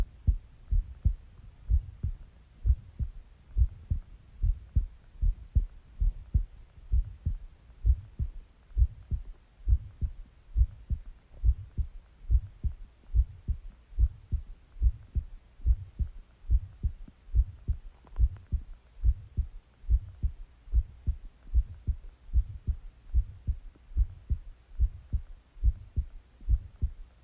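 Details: Self-recorded heartbeat of a person lying down who had been sleeping a little: steady, low lub-dub beats at about 70 per minute, a normal resting rhythm.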